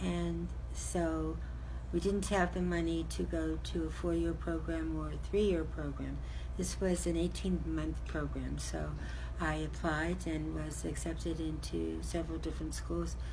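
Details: Adult woman speaking; normal speech.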